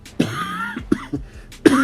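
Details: Adult with type 2 diabetes vlogging: a few short cough bursts, the first somewhat voiced, in a quiet room; an ordinary cough.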